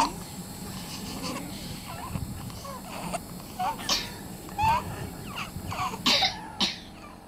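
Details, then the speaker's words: Recording of a child having an asthma attack said to be caused by illegal levels of air pollution: short coughing bursts between strained, whistling breaths. "How does it make you feel when I tell you that this child is having an asthma attack? It is an asthma attack caused by air pollution of illegal levels, air pollution caused by the burning of fossil fuels, air pollution that is breathed by 99% of t"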